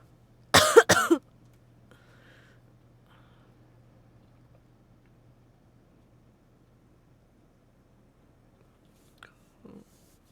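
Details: Two or three harsh coughs in a quick burst, then quiet room hum, from an adult streamer with a cold since the first day of a group stay, sweating; cough.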